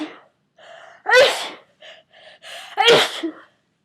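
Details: Two forceful sneezes from a person getting over a cold, each a sharp noisy burst after a short breath in, separated by brief quieter sounds, part of a run of 34 sneezes: sneezing.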